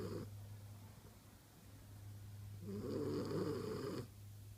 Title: French Bulldog snoring in her sleep